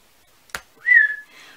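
A sharp click followed by a single brief whistle breaking into a quiet pause; a whistling vocal tic of Tourette syndrome.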